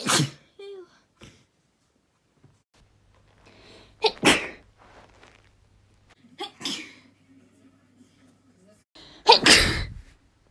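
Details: Three or four sharp, explosive natural sneezes from a female (f), each preceded by a quick breath in, in a quiet room; sneezing.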